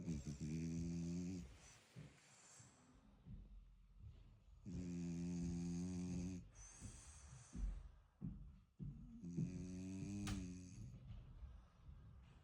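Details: Loud rattling snores with each in-breath, three long snores over about twelve seconds, from a sleeping French bulldog puppy; snoring.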